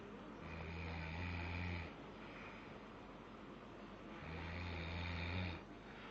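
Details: A baby snoring loudly while asleep.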